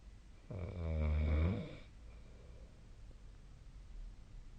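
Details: Snoring during sleep, recorded with the SnoreLab snoring app: one deep, low vibrating snore lasting over a second, then quiet breathing against steady room hiss.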